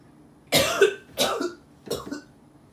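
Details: Acted role-play of the effective cough technique for a patient with sputum built up in the throat, after taking 4–5 breaths and holding the last: three forceful, slightly wet cough bursts clearing phlegm.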